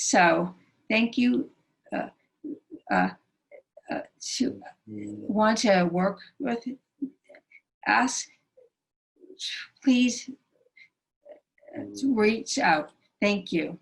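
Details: Non-fluent aphasia in a female stroke survivor; the stroke initially took away all her speech and speaking remains very difficult; right arm and hand do not work and she walks with a limp.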